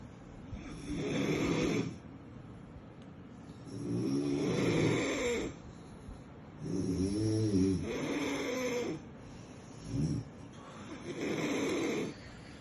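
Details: Sleeping Labrador puppy snoring: rhythmic rattling snores on each breath, about 20 a minute; ordinary snoring.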